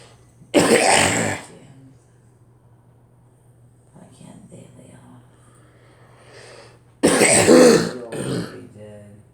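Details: Two loud, harsh cough bursts several seconds apart, with faint throat sounds and a steady low room hum between them; an ordinary cough.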